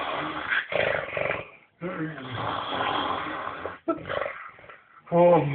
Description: snoring fat man laud